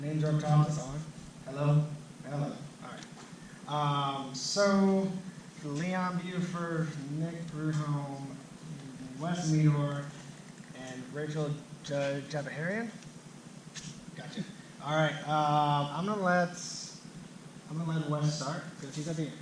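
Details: Adult man who stutters, himself a speech-language clinician specialising in stuttering and fluency disorders; stuttering.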